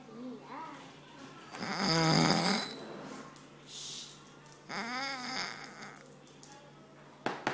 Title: *MUST WATCH* dad snoring! Really funny!